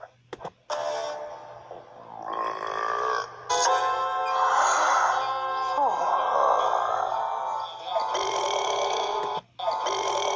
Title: Burps compilation 46